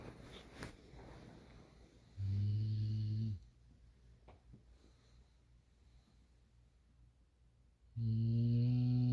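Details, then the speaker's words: Female English Bulldog asleep: two loud, low, buzzing snores with quiet breathing between them, loud enough to keep the owner awake; loud snoring. "Hey guys, this girl is snoring so loud I can't sleep."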